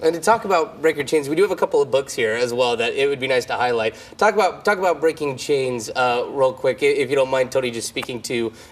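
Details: Adult male speaker; Typical adult speech.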